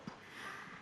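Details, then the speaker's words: A tiny, soft imitated sneeze from a woman, a quick faint burst followed by a light airy exhale, performed on request as her cute signature sneeze. "이렇게 항상 가 제체기 하면은 저희가 이렇게 노래를 자동으로 이렇게 불러요"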